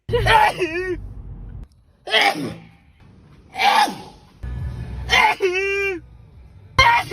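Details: A compilation of repeated sneezing: several sharp sneeze bursts, some followed by a drawn-out voiced groan, about four in seven seconds.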